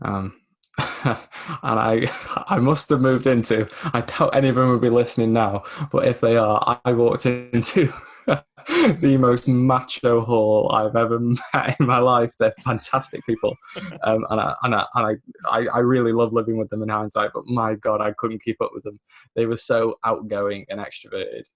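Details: Lifelong developmental stammer (dysphemia), mainly blocks rather than repetitions, in a 24-year-old man, a self-described recovering stammerer now largely controlled after childhood NHS speech therapy and the McGuire programme at 15.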